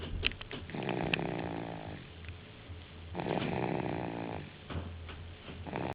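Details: A sleeping female pet snoring: loud rattling, fluttering snores on two inhalations about three seconds apart, with quieter exhalations between.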